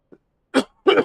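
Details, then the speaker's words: Two short, harsh cough bursts from an adult after a faint throat sound, jokingly called a COVID cough during a livestream; coughing. "COVID cough."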